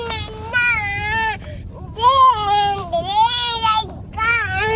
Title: Crying baby